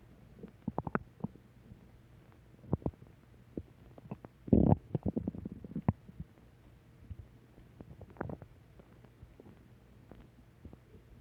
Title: Return of stomach growl 4